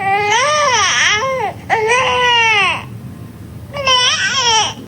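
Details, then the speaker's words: Infant crying in short rising-falling bursts with a nasal "neh" quality, which by a cry-decoding method signals hunger and a need to feed; hunger cry. "เขากำลังรู้สึกหิวงั้นเราจะต้องให้นมเขารับประทานนะคะ"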